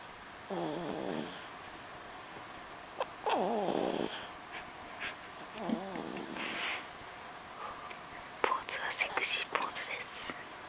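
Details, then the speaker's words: Loud snoring from a sleeper in pajamas, described as sounding like an old man's snore. "皆さん聞こえますか？この K 君の親父臭いいびき。"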